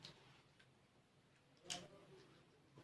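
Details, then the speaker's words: Abdominal percussion during a nursing physical exam of an adult male patient, after auscultating bowel sounds in all four quadrants: a few soft, hollow taps giving the normal tympanic note. "Maaf ya Pak kita dengarkan Hai normalnya itu sorenya timpani"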